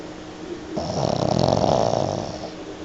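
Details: Pug dog snoring very loudly during a mid-morning lap nap, a coarse, rattling, fluttering snore on one breath typical of a flat-faced dog; snoring.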